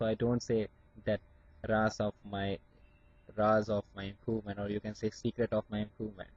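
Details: Adult man from India who stammers, with blocks on some words, working on his speech through acceptance of his stammer; stuttering.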